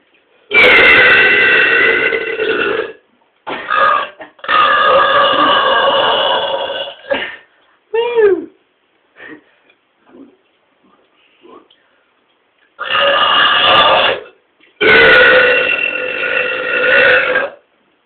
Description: burping loud and powerfully